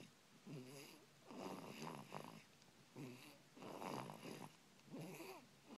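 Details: Snoring loud enough to keep a bedmate awake: rhythmic rattling snores with a fluttering, buzzy quality, four clear cycles at about 40 per minute; ordinary snoring.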